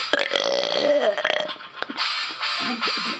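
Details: Deliberate burping by a man: several loud, drawn-out voiced belches running into one another, music in the background.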